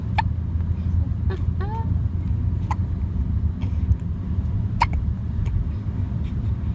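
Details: 10-day-old baby boy, likely in a car: small, soft hiccup sounds and a brief squeak over loud road noise; infant hiccups.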